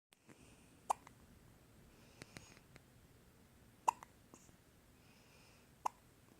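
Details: 6-day-old newborn girl with hiccups: three sharp, brief hiccup sounds about three seconds apart in a quiet room.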